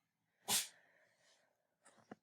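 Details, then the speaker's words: Pet cat sneezing in the background, which the owner jokingly says has its own little coronavirus: a single sharp, hissy cat sneeze followed by a couple of faint snuffling sounds. "my kitty cat sneezing in the background if you can hear that he's got his own little coronavirus"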